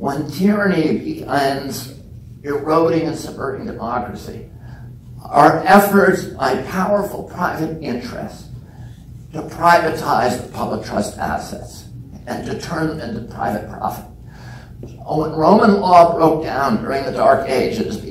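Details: Spasmodic dysphonia in an adult man, self-reported as spasmodic dystonia with onset at age 42 causing voice tremble; he says it is painless and lessens or goes away after speaking a while.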